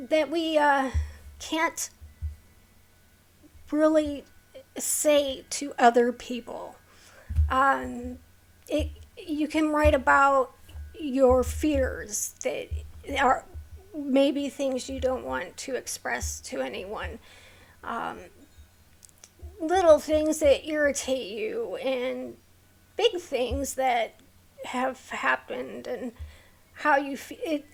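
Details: Vocal tremor in a woman with a neurological condition causing tremor of the hands, voice and head plus mild tardive dyskinesia; she strains to talk, which makes her throat sore.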